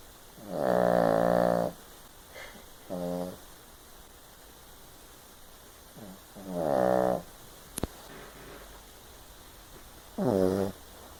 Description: Kiley the Chihuahua. / Snores super loud & funny!